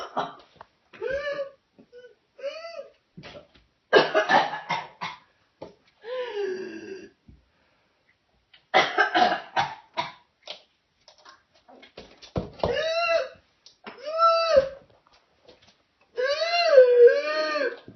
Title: Suspected whooping cough adult